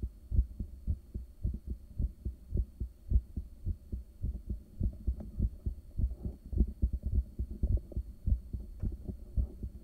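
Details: Self-recorded with a home ultrasound device shortly after waking, after caffeine and morning medications: a strong, regular low thumping resting heartbeat at about 105 a minute with a steady hum behind it.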